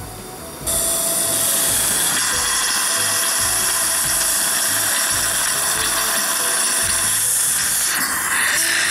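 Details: Steady loud whir of a 3.2 mm drill widening the site for a 3.8 mm implant in a guided flapless All-on-4 osteotomy on a maxilla model with a surgical guide: dental implant drill.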